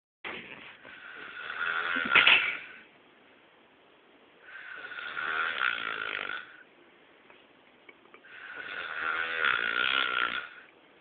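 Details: Snoring: three long, rough, rattling snores, each a few seconds long, with quiet pauses between them, in a quiet room.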